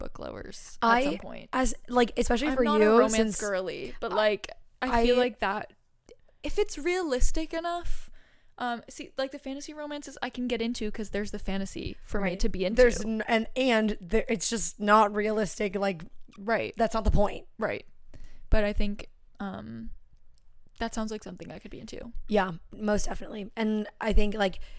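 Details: Adult woman speaking; normal voice.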